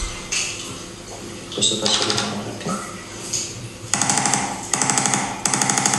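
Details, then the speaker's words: Rapid bursts of sharp mechanical tapping from a handheld Activator-like percussive adjusting instrument, not a true Activator, giving a pseudo spinal manipulation that stimulates the joint; seen in a chiropractic session reviewed by a chiropractor. "pourquoi pas faire de l'activator faire cette espèce d'activator c'est pas un vrai activateur ou qui reproduit une audio une pseudo manipulation vertébrale"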